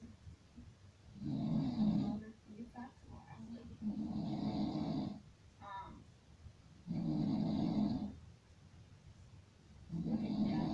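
Steady rattling snores on each breath in, about three in ten seconds, with quieter breaths out between; ordinary snoring.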